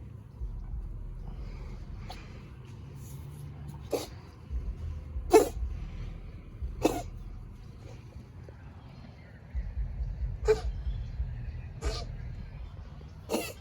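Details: Stray community cat outdoors, possibly bringing up a hairball, with about six or seven sharp, sudden sneezes spaced a second or more apart over quiet outdoor background noise.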